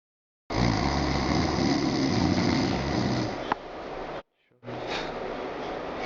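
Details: Snoring imitated by a person awake on request; a loud, harsh, fluttering snore of about three seconds, then a second rougher one: simulated snoring.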